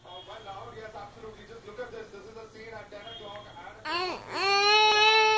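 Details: Baby girl crying for a 500-rupee note: fusses with whimpering sounds, then breaks into a loud, sustained high-pitched cry; infant crying.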